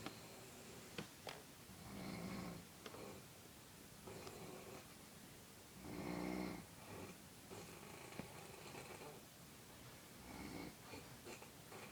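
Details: Loud, rough, rattling snores on each in-breath, roughly 15 a minute, over quiet room noise.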